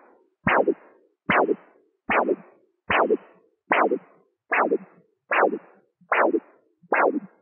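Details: Regular whooshing arterial pulses, about 74 a minute, heard through a flat-probe CAT Doppler during blood pressure measurement, listening for the systolic and diastolic sounds.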